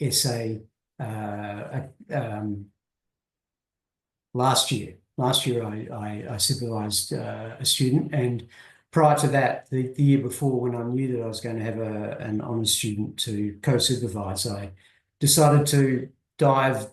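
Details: Adult male who has stuttered since he could talk, was covert for much of his life, and had speech therapy from age 11; reports panic attacks, an anxiety disorder and intermittent mild depression; appears largely fluent now; stuttering.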